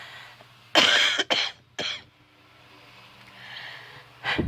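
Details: Cough in a patient with scleroderma lung involvement, fibrous stiffening of the lungs, described as in remission: three forceful, harsh coughs in quick succession, then breathing and a final cough.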